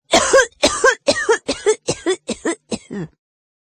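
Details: Rapid run of seven short, harsh, voiced coughs fading in loudness, recorded on a Google Pixel 4a phone; cough.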